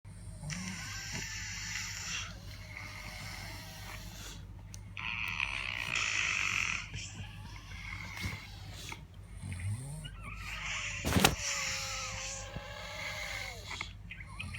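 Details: Real, unplanned daytime nap by an adult who reports extreme daytime sleepiness: harsh, noisy snoring and heavy breathing with irregular apnea pauses, consistent with obstructive sleep apnea.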